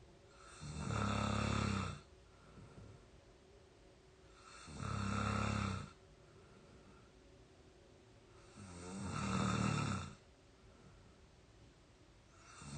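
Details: Real snoring of an exhausted 22-year-old during sleep: three loud, rattling inspiratory snores about 4 seconds apart, roughly 15 breaths a minute; snoring.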